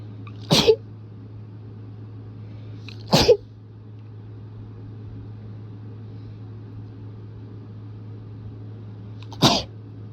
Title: Rapid dusty sneezes